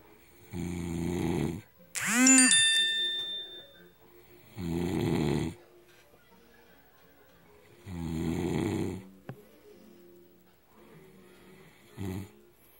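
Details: Adult man, a heavy alcohol drinker, snoring in sleep: loud, regular, croaking bullfrog-like snores about every three seconds, with a chime in the background; heavy adult snoring.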